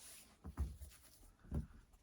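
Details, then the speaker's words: Dog named Larry, curled up asleep, makes two soft, low muffled huffs: light snoring or small sleep noises, owner unsure which. "Oh, it's Larry. I don't know, he's snoring or he's making little sounds in his sleep. Can you hear that? It's so cute."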